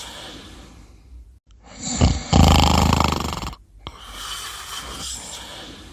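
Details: Snoring during sleep: a loud, rough, rattling breath drawn in, then a quick snort and quieter breathing.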